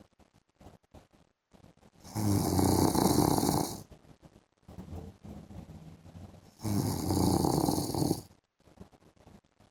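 Two loud, rough snores on breathing in, about 13 a minute, with softer noisy breath between; typical heavy snoring.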